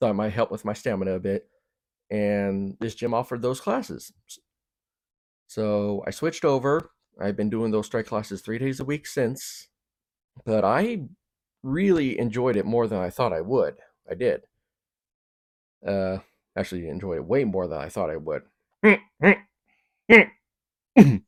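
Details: Stuttering in an adult man who also has Tourette's syndrome (possible noises or tics), Asperger's syndrome, ADHD and OCD.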